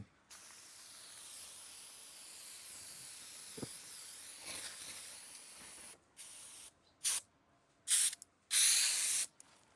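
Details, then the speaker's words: Medicine sprayed onto a horse's wound after injections: one long hissing spray followed by several short bursts. "જુઓ દવા ચોપડાઈ ગઈ છે injection અપાઈ ગયા છે"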